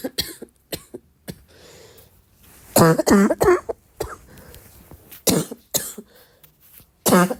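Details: Girl: repeated harsh, voiced, bark-like coughs with some throat clearing; barking cough.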